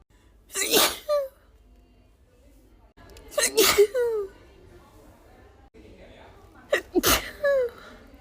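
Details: Woman with tickly allergy sneezes, edited into a loop: three sharp sneezes, each with a quick gasp before and a short voiced trailing sound after.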